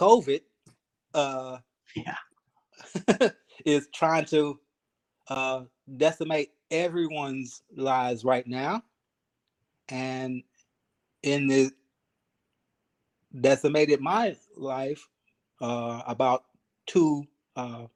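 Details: 52-year-old man, 3 years after an ischemic stroke, still working on his speech and thinking about every word, syllable and cadence; aphasia.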